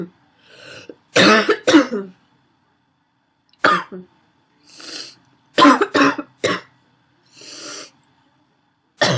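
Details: Female with a wheezy barking cough: short bouts of two to four harsh, barking coughs separated by noisy, wheezy in-breaths.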